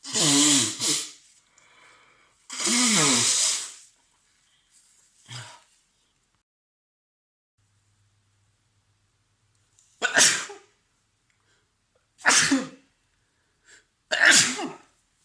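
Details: Person with a cold and a fully stuffed nose, sneezing repeatedly in sets with short breaks, with nose blowing: a run of sharp, explosive sneezes separated by quiet pauses and softer breaths.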